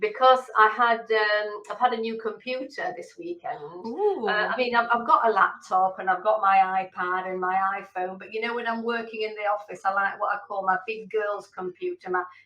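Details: Adult woman speaking; normal speech.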